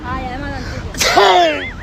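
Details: Loud, forceful fake sneeze performed as a street prank, with music and street noise throughout.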